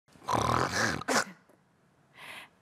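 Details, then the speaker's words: An adult imitates a loud, rough snore with a snorting burst, an example of heavy snoring linked to sleep apnoea. "이렇게 좀 잠을 잘 때 코를 심하게 본다던가 잠을 잘 들지 못하는 분들도 계시는데요 이렇게요"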